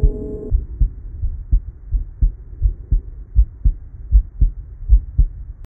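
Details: Regular low-pitched heartbeats through a 3M Littmann CORE digital stethoscope, about 79 a minute, after a brief opening tone.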